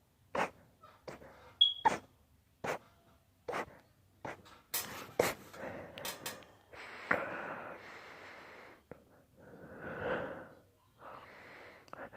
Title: Long induced sneezing fit